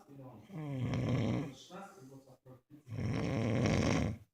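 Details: Adult man snoring during sleep, from an anti-snoring series, part 8: loud, rattling, flutter-like snores with gurgling breaths between them; snoring.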